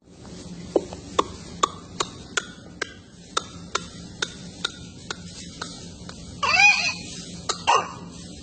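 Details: A rapid run of short, sharp coughs followed by a harsh drawn-in breath, typical of a whooping cough (pertussis) paroxysm.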